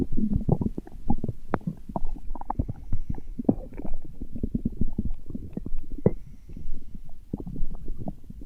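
Low, irregular gurgling and rumbling from the belly throughout: stomach growling, the ordinary sound of gas and fluid moving through the gut.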